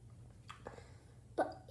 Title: The cure for hiccups